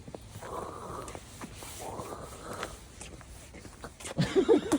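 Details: Two drawn-out, rasping breaths imitating a husband's loud snoring, followed by brief voiced sounds; wife reports she feels she is suffocating at night: imitated snoring.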